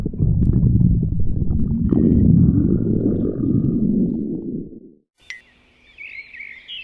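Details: Stomach growling (borborygmi): a long, loud, low gurgling rumble lasting about five seconds, then fading into quiet room noise.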